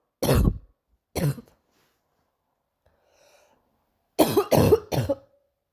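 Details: Morning cough: five harsh, deep coughs, two single coughs then a quick run of three after a pause, with a faint breath between.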